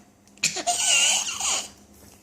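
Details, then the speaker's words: Infant recorded by a parent for the doctor: a laugh-like breath carrying a squeaky, whistling wheeze lasting about a second; wheezing. "Okay, we gotta do that wheezing thing for Dr. Crowley."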